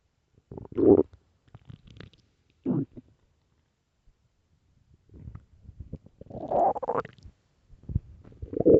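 Several gurgling, rumbling bursts separated by quiet gaps; ordinary stomach growling, a normal bowel sound.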